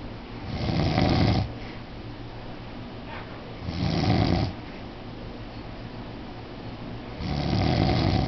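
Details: An adult man, the recorder's stepfather, snoring in his sleep: three loud, low, rattling snores at about 18 breaths a minute with quiet exhalations between.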